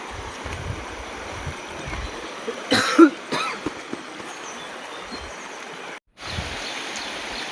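A brief pair of harsh cough bursts from an adult over steady rushing water noise outdoors; an ordinary incidental cough.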